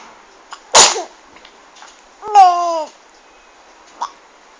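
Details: 5-month-old baby singing/cooing, interrupted by one sharp explosive sneeze, then a sustained cooing vocal sound.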